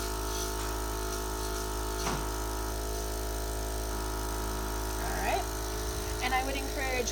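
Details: Steady motor hum of a suction machine with brief gurgling suction sounds and faint speech as a nurse performs sterile tracheostomy suctioning on a patient; suctioning repeated three times.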